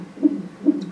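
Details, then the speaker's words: Fetal heartbeat on a monitor during labour at 4 cm dilation after waters were broken, before a later c-section: rhythmic whooshing pulses about 130 beats a minute. "Still 4 centimeters dilated. Yep. You can hear his heartbeat."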